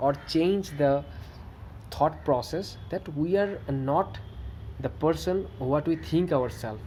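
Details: Adult man who stammers, with variable severity across good and bad days; stuttering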